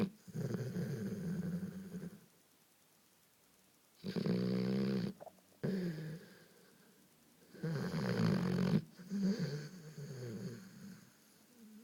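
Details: Golden retriever snoring happily on a couch, like a human: loud, rattling snores on long breaths, about four in twelve seconds, with quiet pauses between them.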